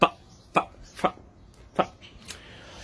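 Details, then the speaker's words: Vocal tics from an adult man with Tourette syndrome, heard while he thanks viewers. "I really do appreciate that thank you so much but that just motivates motivates me to keep making noises at y'all"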